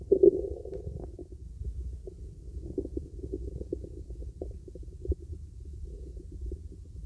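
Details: Stomach auscultated with a real stethoscope during a relaxing full-body auscultation: soft gurgles and bubbling, normal bowel sounds.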